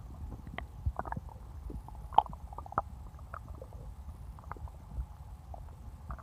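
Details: Stomach growling recorded after drinking cola: low gurgles and scattered soft squelching pops over a steady low rumble, ordinary bowel sounds (borborygmi).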